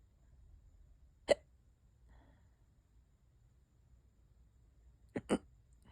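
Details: Hiccups that have lasted for hours and are getting worse: three abrupt, sharp hiccups, two close together near the end, in a quiet room.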